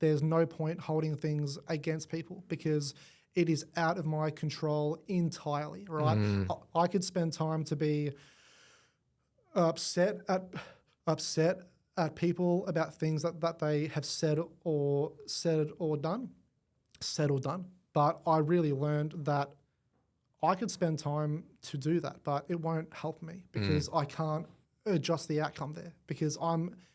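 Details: Adult man born with cerebral palsy affecting his whole left side; stutter attributed to it, began around age five, went away about a year at six, returned worse; long-term McGuire Programme member and coach; stuttering.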